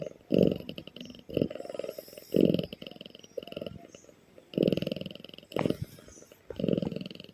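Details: Sleeping cat snoring loudly: rattling snores with each breath, about 30 a minute.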